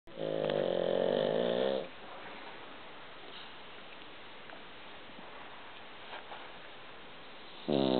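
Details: Pug snoring while asleep: loud, rattling, buzzy snores separated by a quiet pause.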